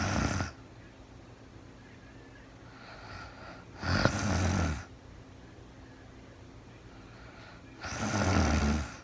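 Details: Woman sleeping in real time, no talking: low rumbling snores recurring about every four seconds, roughly 14 per minute, over quiet room hiss; ordinary sleep snoring.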